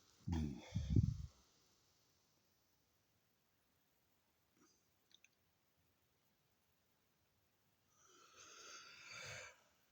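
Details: Adult sneezing bout of about six sneezes: two quick, forceful bursts close together at the start, then a quiet pause and a breathy exhale.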